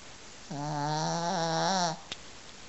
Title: Snoring dog